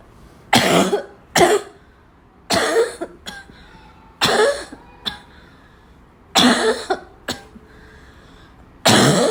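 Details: Afternoon coughing fit in a girl that starts weak and grows violent: about eight harsh coughing bursts, some in quick pairs, with throat clearing between.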